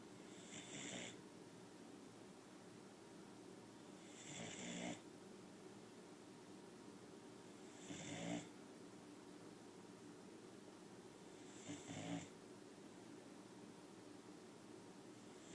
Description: Chloe, our 9 month old boxer puppy, is so tired that she is pink in the face and snoring with her eyes open.